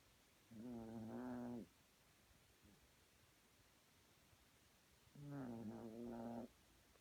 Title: snoring